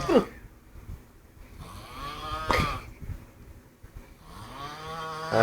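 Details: Adult snoring in sleep after drinking five pegs of Old Monk rum: loud, irregular snorting snores with rough throaty breaths, room noise in background.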